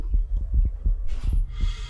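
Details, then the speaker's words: Steady paired low thumps of a heartbeat with soft breath noise rising partway through, heard by stethoscope on a lifelike respiratory-therapy simulator mannequin (simulated patient): heart sounds. "XAVIER: You should be able to go ahead and his lung sounds. OHAVIA: That's wild! XAVIER: Also his heart beating also."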